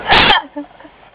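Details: Single loud, abrupt sneeze, a burst of air with a brief voiced tail, heard while ordering drinks at a drive-through during a same-day bout of hiccups.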